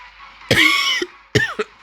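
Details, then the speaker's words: Two harsh, partly voiced coughs from an adult man with a cold, over faint game music: an ordinary cough. "Du coup, si ma voix est différente et si je tousse des fois, je suis désolé."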